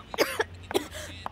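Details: A couple of short, harsh acted coughs from an adult in a cough syrup advertisement, with faint background noise.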